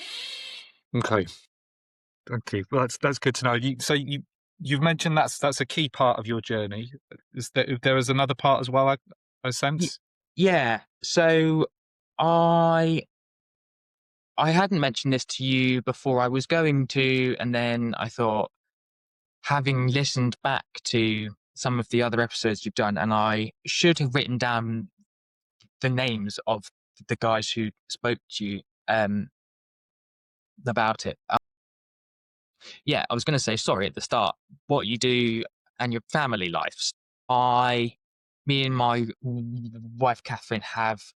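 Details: Adult man with a lifelong stammer, showing blocks and repetitions, which he says is not too severe; stuttering.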